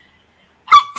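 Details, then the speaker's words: Single small, high-pitched squeaky sneeze after silence, likened by others to a little mouse; sneeze. "Bless you. Sound season like a little two. mouse. Bless you. It is the cutest sneeze ever. I know. Sound like a little mouse."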